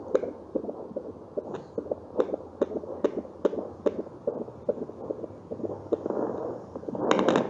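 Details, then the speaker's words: Home fetal Doppler self-monitoring in pregnancy; monitor reads 123, regular rhythm judged normal; rapid, regular whooshing thumps heard, about 146 per minute: normal fetal heart sounds. "nah ini merupakan Detak jantung janin ya jadi di monitor ini menunjukkan angka 123 itu tandanya dc-nya normal"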